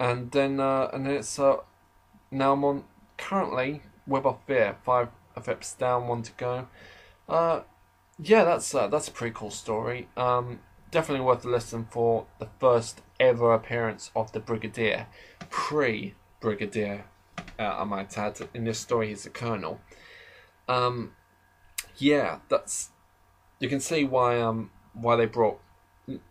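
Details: Adult male who describes himself as slightly stammering, in natural conversational speech, with part-word and word repetitions; stuttering.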